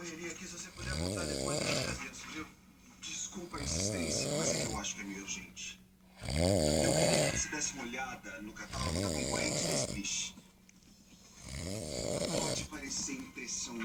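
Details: A sleeping father snores loudly and rhythmically at about 23 a minute, each snore with a rattling, fluttering vibration, while television talk plays in the background.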